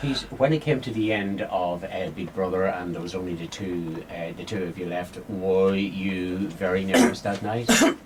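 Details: Adult male interviewer; normal speech.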